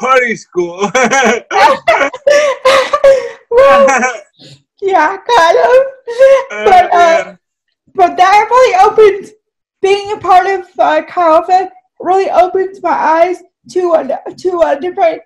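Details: Dysarthria from cerebral palsy in a woman who says her speech is clearly affected by the condition.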